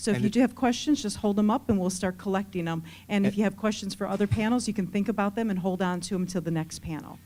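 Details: Adult woman; typical speaker.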